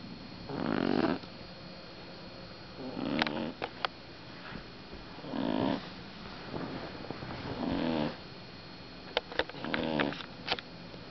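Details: 6-week-old female black pug puppy napping behind a large purse: soft, snuffly snores at irregular intervals, roughly four in ten seconds, with faint clicks and a background hum.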